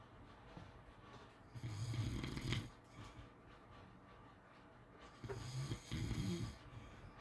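Two loud, rattling snores on breathing in, about 3.5 seconds apart, with quieter breathing between: typical snoring.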